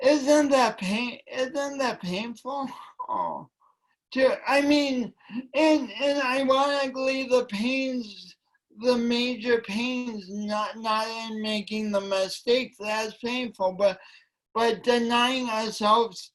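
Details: Woman with a long-standing speech impediment affecting her voice and coordination, which she denied for years; speech impediment.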